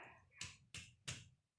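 Three sharp finger taps on the upper left chest, each with a brief hollow low ring: a normal resonant percussion note over air-filled lung.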